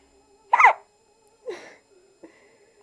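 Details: Baby boy in a long hiccup episode that lasted until he fell asleep and continued while sleeping: three short, abrupt voiced catches about a second apart in a quiet room; infant hiccups.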